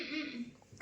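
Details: A single brief, voiced throat-clearing or cough from an adult in a household with cough and cold, fading after about half a second.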